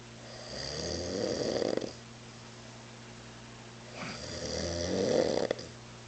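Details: Adult man drunk on mezcal, asleep on a couch around 3 a.m., snoring very loudly: two loud, rattling inspiratory snores about four seconds apart, quiet exhalations between, roughly 15 breaths a minute.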